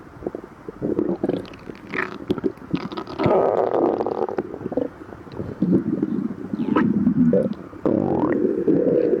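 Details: Stomach growling in a person with severe lactose intolerance after fasting 12 hours, recorded before and after drinking milk: loud, irregular gurgling and rumbling, continuous through the recording; active borborygmi.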